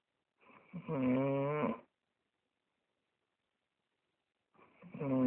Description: Is it a person snoring, or did a bear come into my house